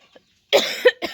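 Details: Adult with a cold since returning from a trip, coughing nonstop: a single harsh cough burst with a short second effort; real coughing.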